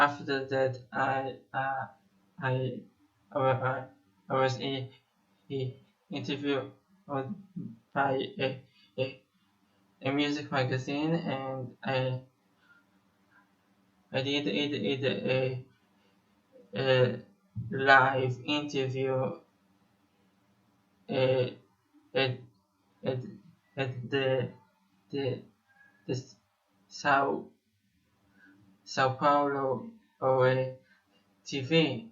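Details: 25-year-old Israeli male musician who has stuttered for almost 21 years; repetitions audible; stuttering.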